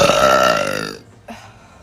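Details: Female giving one long, deep, voiced burp of about a second, then a faint short sound; loud belching.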